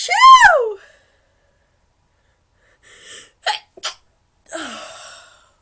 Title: First Upload - Induced Sneezes with some Noseblowing